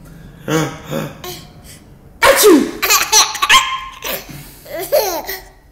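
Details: A sharp sneeze-like burst, then an infant's bright giggling laughter in response to the sneeze; ordinary sneeze.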